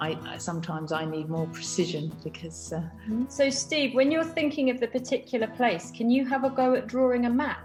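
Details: Adult female speaker; ordinary speech.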